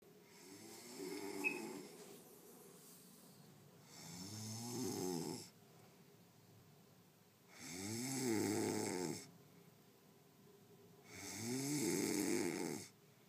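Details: A sleeping man gives rattling snores on each breath in, about 17 a minute, with quiet breaths out between them; snoring.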